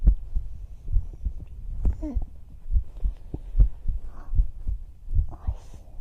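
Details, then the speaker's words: Female performer's own heartbeat recorded for ASMR: steady, soft, low thumps at about 67 a minute with faint rustling and breathy whispers; normal heartbeat. "今日は本当にトクトクって音高いです。お兄ちゃん早く寝ないとダメだよ、本当に。"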